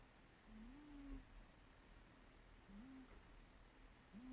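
Soft, rhythmic nasal snoring from a sleeping cat, with low whistling tones on each breath, about 40 breaths a minute; harmless in sleep.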